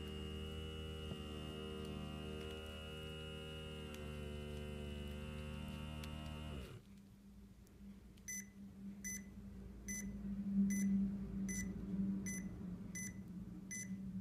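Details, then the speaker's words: Automatic DB Power upper-arm blood pressure cuff worn on the lower arm, so the reading may be poor: steady motor hum as the cuff inflates, quieter deflation, then regular beeps; gives blood pressure and pulse. "I mean it should just start automatically here and it just starts kind of pumping up I may not get a very good reading since I'm doing it on my lower arm"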